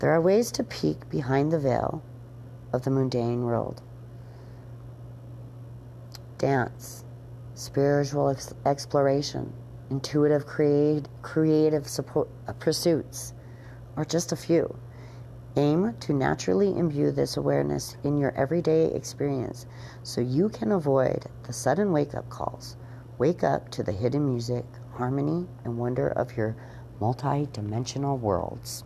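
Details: Adult woman with seizures who stutters, reading a passage aloud on her neurologist's recommendation; stuttering.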